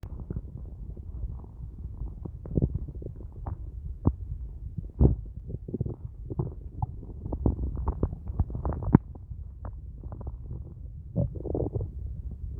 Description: So in all day I've only had a large cup if coffee and its the end of the day now and my belly isn't happy with me its screaming for food